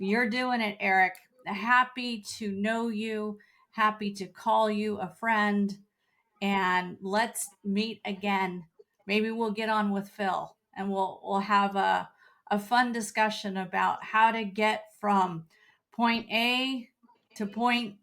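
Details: Adult woman speaking; typical speech.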